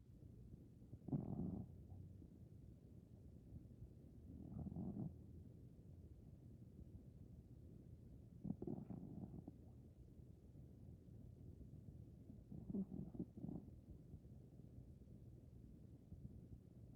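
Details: A Maine Coon cat aged 15 or older, sleeping and dreaming, gives soft, low rumbling snores about every four seconds, roughly 15 a minute, over quiet room noise.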